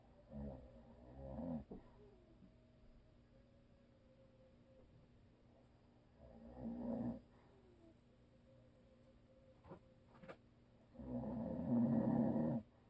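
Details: Habitual snoring from a husband asleep who "snores and always will", recorded for ASMR: long rumbling snores spaced several seconds apart, the last loudest, over a quiet room.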